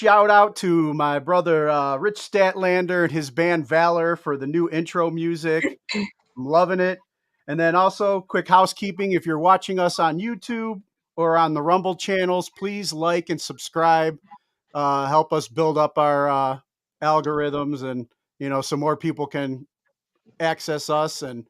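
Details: Adult male speaker; Normal speech.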